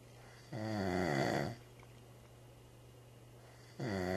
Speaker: I've been trying to sleep for an hour